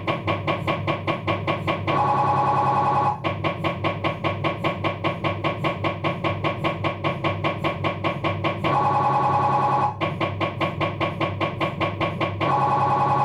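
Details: Abdominal MRI on a Philips 1.5T scanner, diffusion sequence: loud, rapid mechanical knocking at about 150 a minute alternating with bursts of steady buzzing tone, MRI scanner noise.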